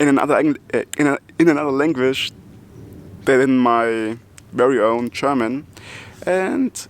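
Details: Adult German man who stutters and also has multiple sclerosis, speaking English, his non-native language, in which he says he stutters less than in German; stuttering.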